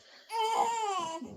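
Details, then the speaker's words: One sustained, high-pitched wail from a two-month-old baby girl, an ordinary hunger cry, while her mother pumps breast milk before bottle feeding her. "like make so many mistakes because I just can't even I can't even go I can't go with the crying."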